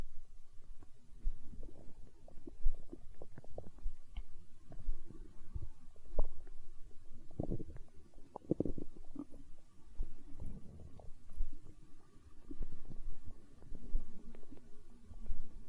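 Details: Hunger stomach growling recorded for ASMR: low, irregular gurgling and rumbling with scattered soft pops throughout, normal bowel sounds (borborygmi).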